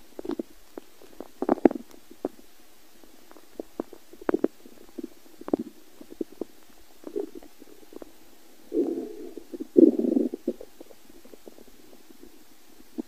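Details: Hungry person's empty stomach: scattered gurgles, bubbling pops and two longer rumbles; normal hunger bowel sounds (borborygmi).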